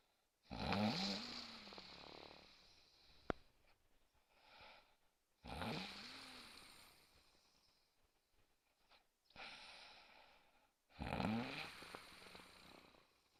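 Loud, rough, rattling snores on inhaling, with quieter breaths between them, in a quiet room.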